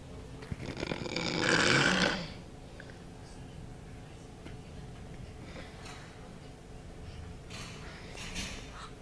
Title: Choko and the weirdest snore ever